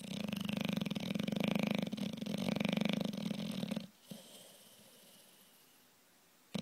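Loud, low, rattling snore sustained for several seconds, then quiet. Fluttering snoring typical of a flat-faced dog.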